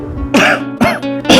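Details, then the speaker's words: Acted adult cough in a cough-syrup advert; the cough is attributed to season-change allergy from dust, pollen and seasonal allergens. "नहीं यार, खांसी हो रखी है और इस सीजन चेंज की वजह से भी मुझे एलर्जी है।"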